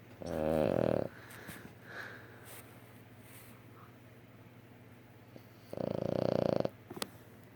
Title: mojo snoring